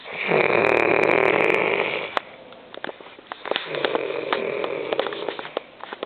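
A long, loud rattling snore on the in-breath, followed by a quieter, fluttering second snore with faint clicks.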